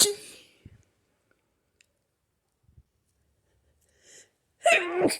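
Forceful sneezes with a sharp intake beforehand and a loud voiced burst at the end, part of a run of hay fever sneezing.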